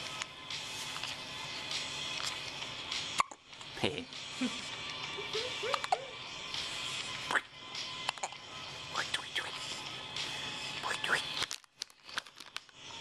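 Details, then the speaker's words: An infant gives several brief, sharp hiccup sounds, likened to a little chicken, against steady room hiss; the baby is kicking and stretching a foot. Hiccups. "Get the hiccups like a little chicken."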